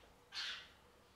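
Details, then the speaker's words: Single short, sharp, hissy sneeze from a sick sleeping kitten whose breathing is improving; it may be nothing or his body reacting to being away from his mother; sneezing. "he's sneezing pretty loud right now he's okay he's just sleeping but he just had a sneezing spill right there"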